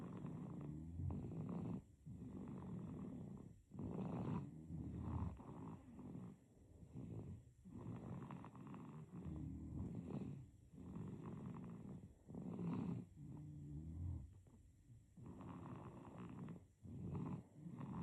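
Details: Sleeping baby: steady, low rattling snore on each breath, about 9 breaths a minute; infant snoring.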